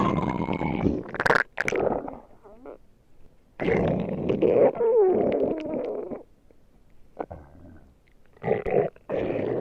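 Gurgling, creaky rumbles in irregular bursts with short gaps; ordinary stomach growling from gas and fluid moving through the gut.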